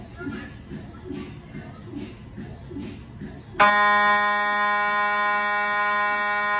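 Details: MRI scanner noise recorded inside the scan room of a GE Healthcare 1.5T or 3T system: soft rhythmic knocking at about 72 a minute, then a loud steady buzzing drone with a high tone during a scan sequence.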